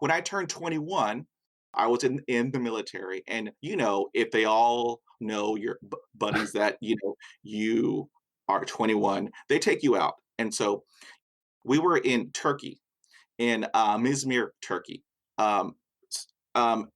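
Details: Adult man with a lifelong stutter since early life who still finds speaking in noisy environments very hard; stuttering.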